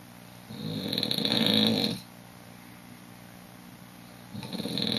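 Loud rough snoring noise on a breath, a pause, then another snore beginning; low rattling with a hissy edge.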